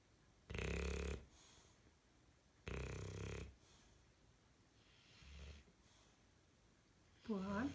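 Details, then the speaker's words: Very loud snoring: snorting snores at regular intervals with softer breaths between, a voice briefly at the end asking if he is snoring really loud. "hello I see you are you snoring really loud brunton are you snoring really loud we see you you're there"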